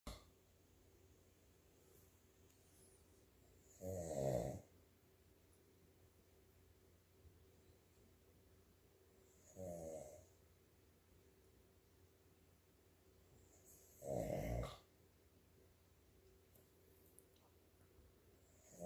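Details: Three loud, rough snores spaced about five seconds apart over quiet room noise: ordinary snoring.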